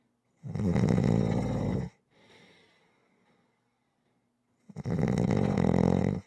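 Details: Two loud, rough, rattling snores, each over a second long, separated by a quiet breath out and a pause; ordinary snoring, ASMR relaxation audio.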